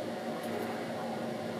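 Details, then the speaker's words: Steady hissing hum of a suction device vacuuming out the nose after rhinoplasty nasal cast removal. "okay and then willing to do was I'm gonna vacuum your nose out and that's going to make you very happy"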